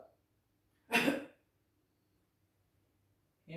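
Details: Voluntary cough from a 35-year-old man, given on request during a basic respiratory examination practice: a single short, forceful cough in a quiet room.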